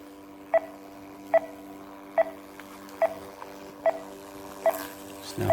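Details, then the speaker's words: ZOLL M2 cardiac monitor in adult monitoring mode with its recorder switched on, printing an ECG rhythm strip. Regular short QRS beeps, about 72 a minute, over a steady machine hum. "printing and I can switch it off"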